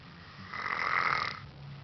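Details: A single rough, rattling breath noise with a gargling quality; snoring.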